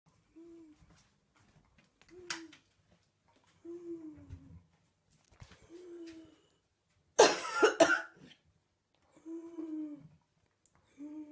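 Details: Adult mother woke at 3:00am with a bad cough; repeated short voiced retching sounds and one harsh cough burst: cough with gagging.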